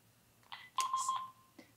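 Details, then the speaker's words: Baxter Sigma Spectrum infusion pump soft-limit alert during a training demonstration: a brief chirp, then a short electronic tone as a titrated dose, entered with a deliberately missed decimal, exceeds the drug library's upper limit of 20. "here's an example of hitting a soft limit, it says above the upper limit of 20, do you accept this yes or no."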